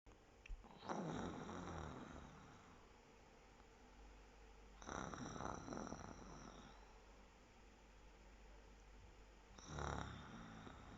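Three coarse, rattling snores about every five seconds, each with a harsh, grunting, pig-like quality over steady room hiss: heavy snoring.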